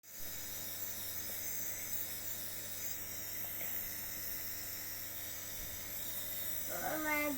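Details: Steady hiss and motor hum of a compressor nebulizer delivering mist to a coughing child, with a brief child's voice near the end.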